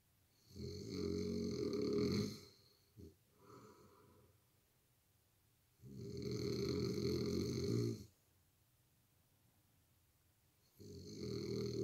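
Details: A man snoring really loud, enough to wake his partner: deep, rumbling snores about two seconds long, roughly 12 a minute, with silent pauses, like a grizzly bear; heavy snoring.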